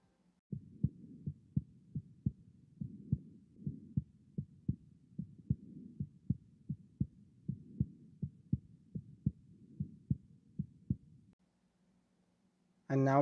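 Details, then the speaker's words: Teaching example of a third heart sound (S3): a regular low-pitched heartbeat with an extra soft, dull sound in early diastole just after S2 (ventricular gallop), linked to mitral regurgitation and heart failure. "The third heart sound is normal in children and teens, and sometimes pregnant women as well. And the fourth is normal in elderly or adults. And finally, let's listen to the third heart sound."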